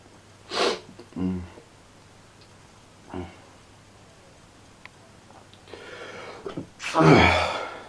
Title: POLLEN ALLERGIES KICKING IN AGAIN WITH MORE MANIC SNEEZING!!!!